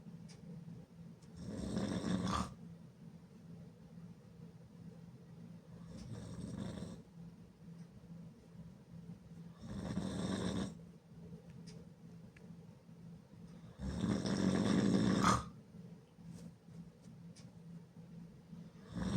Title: Me snoring like a motorcycle very loud and hard with my mouth open